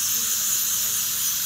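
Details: Steady high-pitched whine with hiss from a dental drill running continuously during a dental procedure, possibly an extraction.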